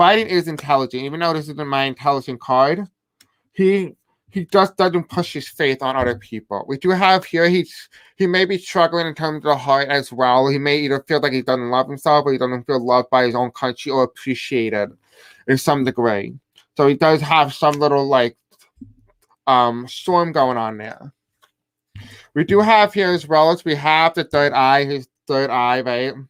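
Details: Man who says he has a deaf accent and may have a hard time pronouncing certain words; deaf speech (deaf accent).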